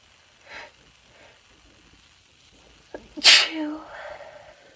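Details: Female giving a single ordinary sneeze: a quiet indrawn breath, then one sharp, hissing sneeze burst trailing into a brief voiced exhale.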